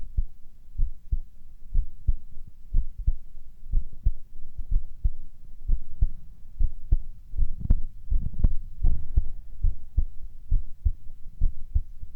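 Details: Male heart sounds recorded for ASMR with whispering: regular paired lub-dub beats, roughly 75 to 80 a minute, with soft low rumbling background; normal heartbeat.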